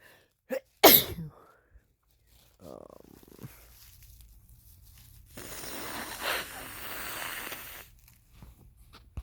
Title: Coming down with a cold sneezes (M)